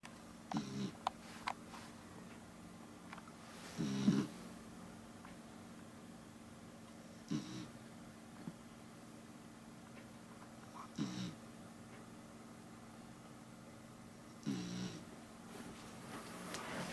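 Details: A sleeping cat gives short, soft snoring sounds at a regular pace, about 17 breaths a minute. Snoring.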